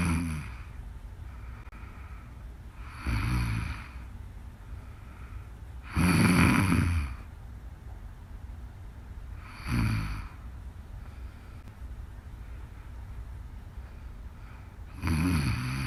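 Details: Snoring: deep, rumbling snorts every three to four seconds, about 16 breaths a minute, with quiet breathing between.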